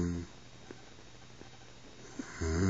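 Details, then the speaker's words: Deep, rumbling, low-pitched snoring from a sleeping adult woman (the recorder's mother) at home, heard at start and end of a quiet stretch; snoring. "this uh the background is my mom's snoring i swear it's not a cow like i'm gonna let you listen to her yeah that's my mom's snoring"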